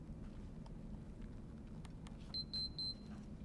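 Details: Short run of high beeps over a steady low room hum as an Infinity EnteraLite Orange enteral feeding pump starts running after the run/pause button is pressed for a child's tube feed.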